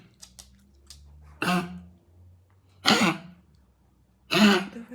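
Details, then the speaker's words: Dog with kennel cough (infectious tracheobronchitis) having a coughing fit: three harsh, forceful dry coughs with gagging and choking. "Однажды мой пёс начал так давиться и кашлять что я подумала что у него что-то застряло в горле"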